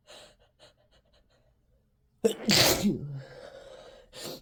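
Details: Person with a cold and an itchy, tickly nose induces sneezes to relieve it: a few faint sniffs, then one loud, explosive sneeze with a sharp intake and burst of air, followed by a breathy exhale.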